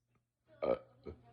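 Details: Long burping session from a person who says they were not feeling well that day: a loud, voiced, croaking burp followed by a smaller second one.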